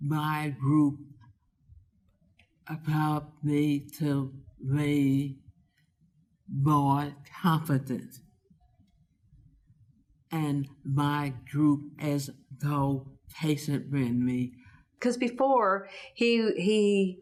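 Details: Adult speaker; aphasia.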